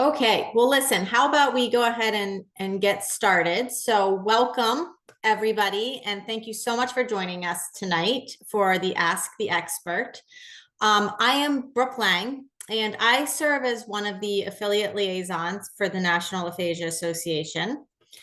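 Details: Adult woman speaking; normal speech.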